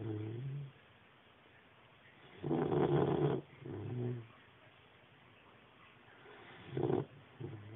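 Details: Sleeping 12-week-old puppy making irregular snorting, rumbling breaths with pauses between them; snoring.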